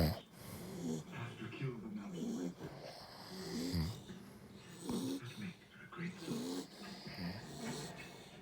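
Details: American bully dog and a man sleeping together: loud, rough, irregular snoring with rattling snorts; snoring.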